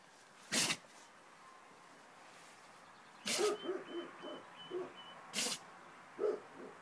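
Three sharp, explosive bursts of air from a dog, with snuffling and faint squeaks between them: repeated sneezing.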